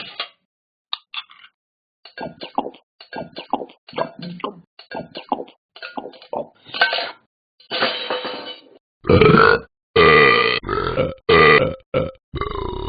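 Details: Simulated burping from the Talking Ben the Dog iPhone/iPad app after the cartoon dog eats too much: gurgling, croaky bursts ending in several long, loud belches.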